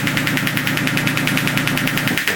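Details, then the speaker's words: Rapid steady machine-gun-like tapping, about nine pulses a second: radial pressure wave (not true shock wave) handpiece treating a young basketball player's swollen sprained left ankle, three weeks post-injury, painful below ankle and on the ankle bone. "This unit is the hand piece for a sound wave modality called radial wave or pressure wave. Some people call it radial shock wave. It's not true shock wave, but it is a very effective modality for reducing pain and inflammation."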